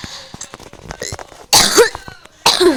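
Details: Two sharp, loud cough bursts from a child who says they currently have a cough, heard over quiet game sounds; a plain cough.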